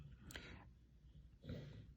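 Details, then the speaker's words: A sleeping rescue dog, deeply asleep, gives faint, low snorting breaths, two within two seconds, in a quiet room: snoring. "okay now the dog is snoring you may hear the dog snoring it is a dog's life"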